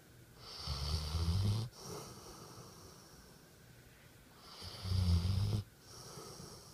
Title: Buddy is a big ole mouth-breathing, snoring, bundle of LOVE! ❤️